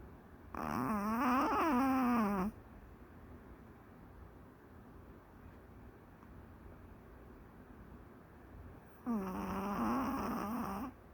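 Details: Maltese dog snoring during a daytime nap: two long, strained, whistling-groaning snores several seconds apart over quiet room noise.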